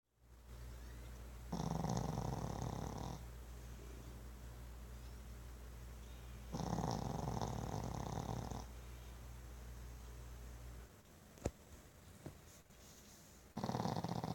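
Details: Pug snoring: rough, rattling snores, each about two seconds long, repeating every five seconds, over steady room hum; snoring.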